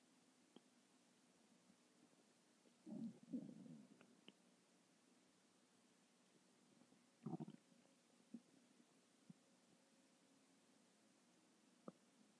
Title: Tummy Noise Series (13)